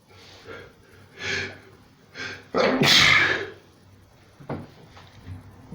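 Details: Part of a four-minute non-stop sneezing fit: several sharp inhalations leading to a loud, explosive sneeze, then quieter breaths and sniffs.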